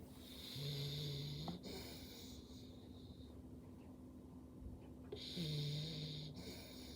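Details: Loud snoring from one of three sleepers, loud enough to keep someone awake: two loud, low, buzzing snores on the in-breath, several seconds apart, over a steady room hum.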